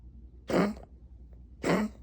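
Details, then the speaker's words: Dog with a partially collapsed trachea and chronic bronchitis, recovering from pneumonia, during a cough attack: two harsh, honking cough bursts. "even though we just happen to get Lola at a time of hacking she's actually feeling much better she's just having a little bit of a cough attack"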